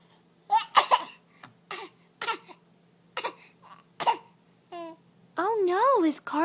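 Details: Infant voluntarily fake coughing, not sick: about six short, deliberate cough-like bursts, then a high, wavering voiced squeal.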